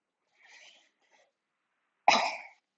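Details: Person who says they are ill apologizes for coughing: a faint breath, then one sharp, single cough.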